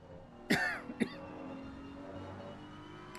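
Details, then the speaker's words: Person coughing while live-streaming a racing game, who apologises for the coughing: a sharp cough burst and then a short throat clear over faint background music. "Sorry guys, I have to put up with my coughing if you're gonna listen to this or watch this, I guess."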